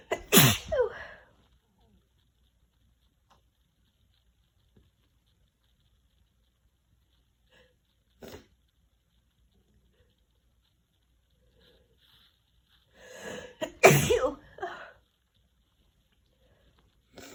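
Two loud, wet sneezes far apart with a faint sniff between them, the second preceded by a short intake of breath; sneezing with a cold.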